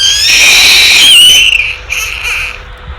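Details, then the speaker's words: Infant cry recorded after a vaccination (the "vaccine cry") and played back in baby-cry research: an intense, very high-pitched, strained wail breaking into shorter cries, a pain cry. "now the vaccine cry"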